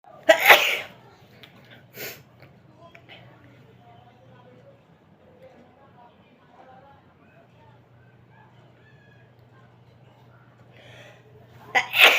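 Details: Induced sneezing: three abrupt sneezes, two close together at the start and one at the end, separated by quiet breathing.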